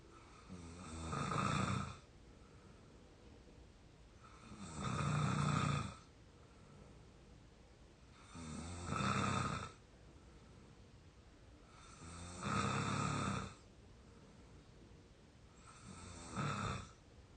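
Rattling snores on each breath in, about 16 breaths a minute, steady rhythm; ordinary snoring.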